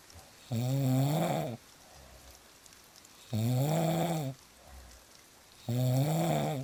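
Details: Real snoring: three loud, rough, tonal snores about 23 a minute, each lasting about a second, with quiet rain between; ordinary snoring.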